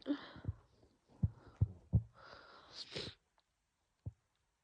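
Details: Harsh, loud sneezing fit in a female: a run of short, forceful bursts with catching breaths in a small room, probably triggered by a cold and strong laundry detergent; sore throat and lungs.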